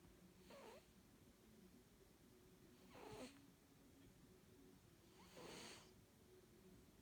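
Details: Light snoring during sleep: three soft, brief snorting snores about 2.5 seconds apart over a faint steady room hum.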